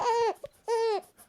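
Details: Two short, high-pitched wailing bursts from a newborn boy held in arms, separated by a brief breath and quiet gaps in a small room: an ordinary infant cry.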